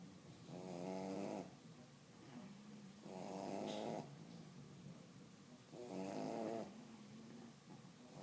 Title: Sleepy/snoring bullies